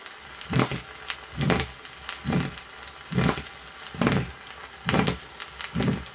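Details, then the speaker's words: Isolated aortic stenosis on a 1962 Soviet educational auscultation record: heartbeats near 68 a minute, each with a low, coarse systolic murmur and a weakened second sound over the aorta. "при изолированном стенозе усти аорты выслушивается низкой грубой систолической шум и ослабление второго тона на орти прослушайте"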